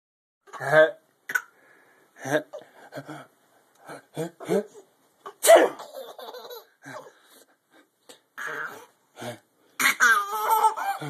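Repeated short explosive bursts, sneezes or coughs, mixed with laughter.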